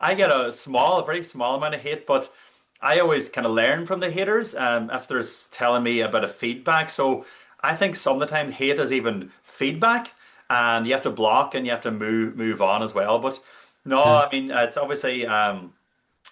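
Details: Adult male speaker (interview host); Normal speech.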